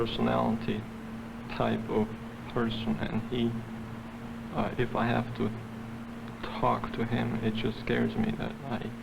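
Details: Woman shown as an example of stuttering; stuttering.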